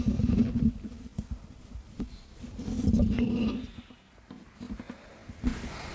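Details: Adult stomach rumbling: low gurgling rumbles and bubbling pops of ordinary bowel sounds from gut movement.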